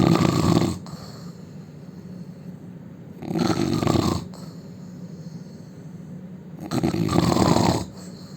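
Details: Indian man snoring loudly: loud rough snores on each in-breath, about three in eight seconds, quiet breathing between; heavy snoring.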